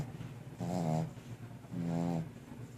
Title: Snoring puppy